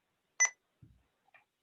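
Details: Sapphire infusion pump in a training demonstration: a single short electronic beep followed by faint handling noises as the rate change from 0.2 to 0.5 mcg/kg/min is confirmed; infusion pump confirmation beep.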